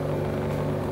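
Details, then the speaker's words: Electric medical suction machine (aspirator) with vacuum jar, filter and vacuum control, just switched on for a demonstration: steady droning motor hum of the running suction pump. "okay now let us turn it on and see now his plot and we turn it on as you can see this is the pipe"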